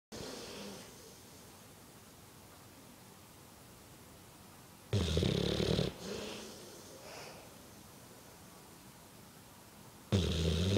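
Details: Two large English Bullmastiffs sleeping on a sofa, snoring: loud, rough, low-pitched snores about every five seconds with softer breaths between.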